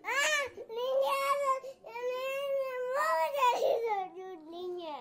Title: my cute adament baby crying ❤️❤️❤️